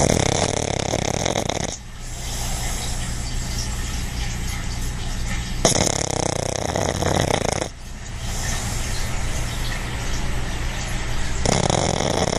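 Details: A relaxed, napping dog described as a big-time snorer: loud, rough rattling snores on breathing in, about two breaths in twelve seconds, with quieter breathing out; heavy snoring.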